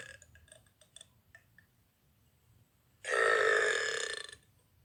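A few faint clicks, then one loud, sustained croaking burp lasting over a second in a quiet room.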